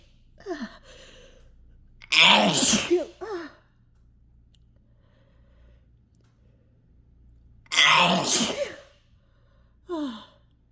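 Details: Two loud, forceful sneezes, each led in by a sharp gasping breath, set off by chhinkni sneezing powder; the sneezing was forceful enough to make the throat sore. Normal sneeze reflex.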